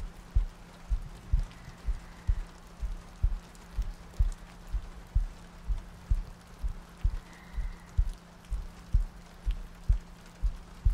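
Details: ASMR sleep-aid roleplay of cuddling next to a girlfriend on a rainy night, a looped track with soft breathing: soft, regular low thumps at about 62 a minute over steady rain and a low hum; a calm heartbeat.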